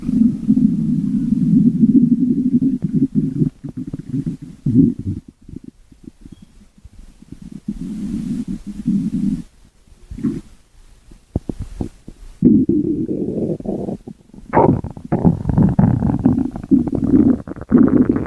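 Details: Five minutes of stomach growling: loud, long gurgling and rumbling bursts with short gaps between, ordinary gut movement of gas and fluid.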